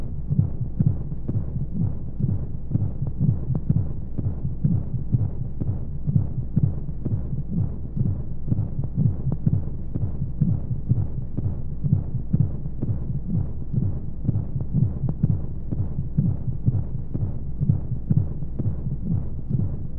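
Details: Womb-sound sleep aid for babies: steady muffled low thumps at about 125 a minute over constant whooshing flow noise, womb-like heartbeat; heartbeat.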